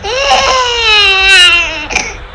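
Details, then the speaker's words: Infant cry artificially resynthesized with pitch held fixed, at 310 Hz then the same cry at 440 Hz, played back to adult listeners who had to judge whether the baby was a girl or a boy. "so this is a cry with a pitch at 310 hertz now the same cry but the pitch fixed at 440 heads"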